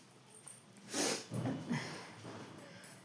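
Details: Someone sleeping gives a few soft, irregular snorting breaths over faint room noise; light snoring.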